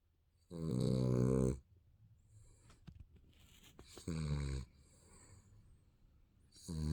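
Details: Sleeping baby snoring: two loud, rough, rattling snores on inhaling, with quiet breathing between and a third beginning.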